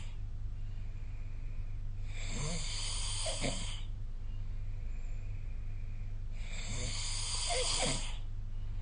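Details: Snoring during sleep recorded with a snoring-tracking phone app: two harsh, rattling inhaled snores at about 14 breaths a minute over a steady low room hum.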